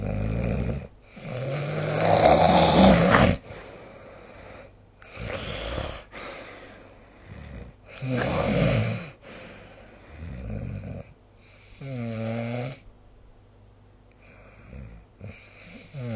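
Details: Recorded with a snoring-recorder phone app: loud, rough, rattling snores on the in-breath, separated by quieter breathing; ordinary adult snoring.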